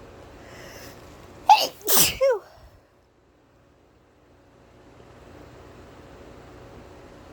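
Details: Deliberately induced sneeze by someone feeling stuffy: a quick inhaled catch, then two sharp explosive bursts, a double sneeze, then quiet room noise.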